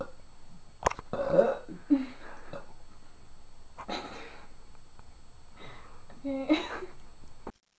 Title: Burping girls compilation #3